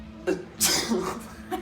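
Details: Acted sneeze in a sociology sneezing experiment during street interviews about fast food. A short intake of breath, then a single sharp, hissing burst over faint background noise.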